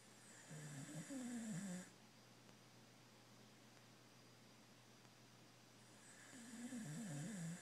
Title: Snoring puppy